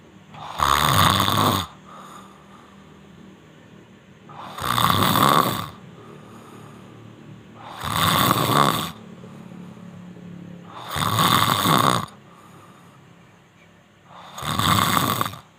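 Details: Loud, rough snores on each breath in, about four in fifteen seconds, with quieter breathing between: snoring.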